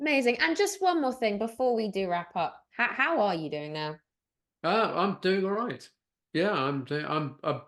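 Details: Adult woman speaking, with a second voice replying; no disorder.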